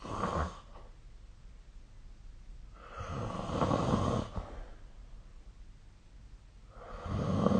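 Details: Snoring during sleep, recorded 2025/04/14.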